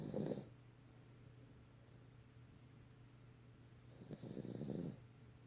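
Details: A sleeping female dog gives two rough, fluttering snores several seconds apart, with quiet breathing between; she snores every time she sleeps. Ordinary snoring.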